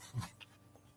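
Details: A tired dog asleep after a big day: a single low, rumbling snore heard faintly against quiet room noise.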